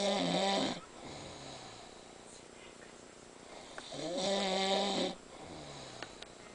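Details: Two loud, rattling, voiced snores on the in-breath, a few seconds apart, with quiet breathing between; ordinary snoring.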